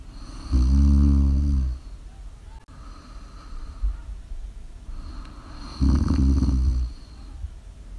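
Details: Live-streamed ASMR sleep recording: two loud, low rattling snores on inhaled breaths with a quiet pause between; ordinary snoring during sleep.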